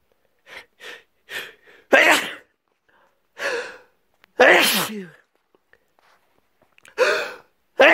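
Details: Person with a cold, resting in bed: a sneezing fit of about five sharp sneezes, some preceded by quick indrawn breaths.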